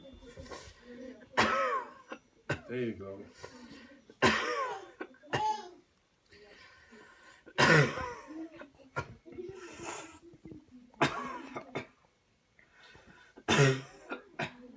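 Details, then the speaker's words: Child doing a demonstrated cough-clearance technique: counted deep breaths in and out, then coughs while an adult presses on the chest until done; several loud cough bursts between quieter breaths and brief adult talk; manually assisted cough. "okay here we go let's make this count one two three put in deep deep deep deep cough"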